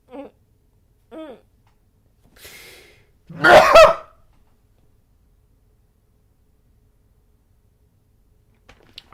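Two brief catching breaths and a sharp indrawn breath, then one loud, voiced, explosive sneeze in a quiet room.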